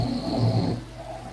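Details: Friend snoring asleep after a heavy night of drinking; one deep, rough, rumbling snore with a vibrating low tone, fading at the end; ordinary snoring.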